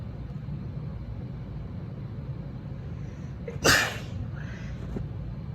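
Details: Female with allergies, nose tickly and itchy: a single forceful, wet-sounding sneeze over a steady low engine-like rumble; allergy sneezing.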